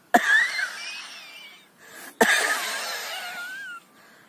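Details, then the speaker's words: Acted imitation of the dry coronavirus cough, demonstrated to contrast it with an ordinary phlegmy cough: two sudden harsh coughs, each trailing into a long raspy breath without wet rattling. "आणि corona व्हायरसचा जो खोकला आहे कोरडा खोकला तो एकदा जर माणूस खोकायला लागला तर एकदम जसं मी आता तुम्हाला ऍक्टिंग करून"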